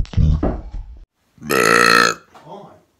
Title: Burp compilation